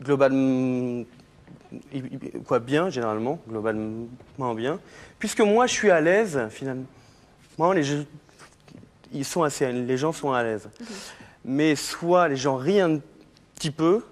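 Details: Adult man who has stuttered since childhood, about 30 years, still stuttering and calls it a handicap; stuttering.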